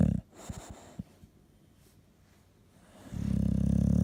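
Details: Sleeping dog: a few soft clicks, a quiet pause, then a low, buzzing snore as it breathes in; snoring.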